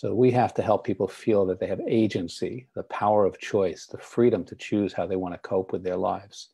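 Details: Adult man; typical speech.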